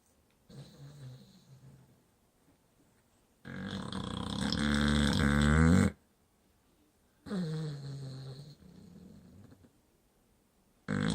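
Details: Deep, rattling snores in long drawn-in breaths separated by quiet pauses from a sleeping pit bull-type dog; snoring.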